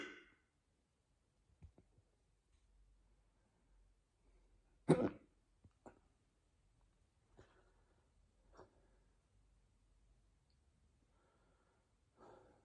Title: Hiccups wont stop